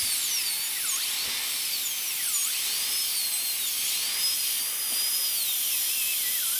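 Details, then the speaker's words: High-speed dental drill with a steady whine dipping as the bur bites, during a full zirconia crown prep on tooth #3 (maxillary molar): functional cusp bevel guide cuts, distal to mesial in the lingual groove. "again we want to keep this direction from distal to mesial I'm staying now in the lingual groove and this is guide cuts for the functional cusps bevel"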